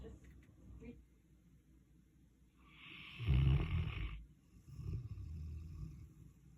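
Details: Big dog snoring in sleep: one loud, low, rattling snore on the in-breath, followed by a quieter rumbling breath, against a quiet room.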